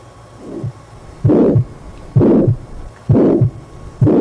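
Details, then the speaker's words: Heart murmur played from a recording: regular heartbeat about 65/min with harsh scraping noise filling the gap between the two heart sounds. "Eso que están escuchando es como un raspado, ¿verdad?"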